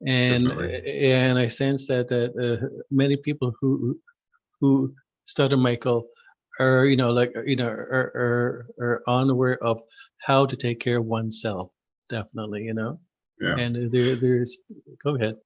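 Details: Adult man who stutters, formerly severe and covert with secondary characteristics: stuttering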